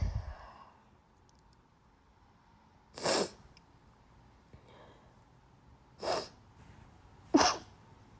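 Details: Person with bad allergies: three separate sharp sneezes over about eight seconds in a quiet room; repeated allergic sneezing.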